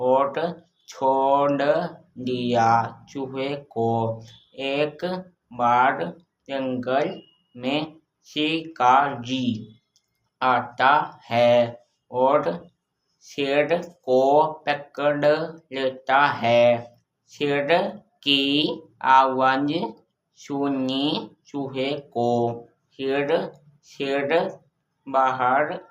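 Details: Boy in speech therapy who previously stammered and lisped and could not read or write properly, now reported improved; speech sound disorder with dysfluency.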